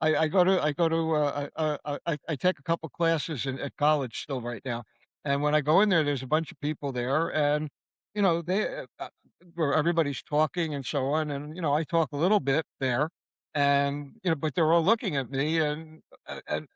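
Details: Male stroke survivor living with aphasia after a stroke that required 8 weeks in hospital, including a 5-week coma; aphasia.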